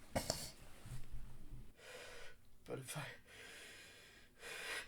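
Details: Male, acted: sharp inward gasps and muffled, held-back sneeze bursts while trying to stifle sneezes from a nose tickle. Gasping.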